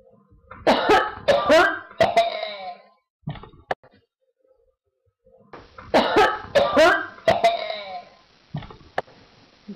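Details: Cough recorded at home by a person who attributes it to EMF exposure.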